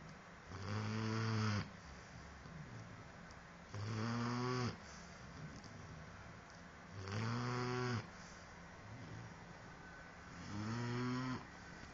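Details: Dogue de Bordeaux puppy snoring: four deep, rumbling snores at a slow, fairly steady pace of about 19 a minute, with quiet breathing between them.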